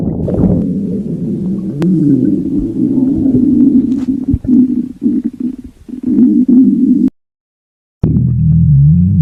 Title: stomach growling